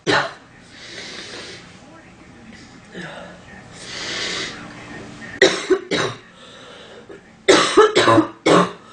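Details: Acted female coughing sound effect: breathy throat sounds, then short bursts of two and three dry coughs.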